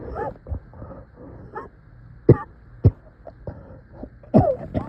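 Several short, strained coughs with groaning and throat clearing between them, a painful-sounding cough.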